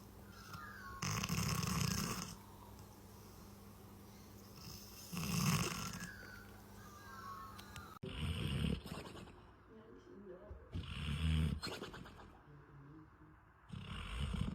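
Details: Dogs snoring: loud rumbling snores recurring every few seconds over a steady background hum, with a scene change partway through.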